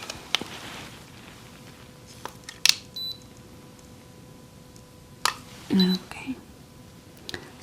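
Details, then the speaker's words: Simulated ASMR nurse role-play bedside exam: soft clicks and short electronic beeps from a digital thermometer in a quiet room, reading 99.8, slightly elevated. "that is 99.8 so it's a little bit elevated"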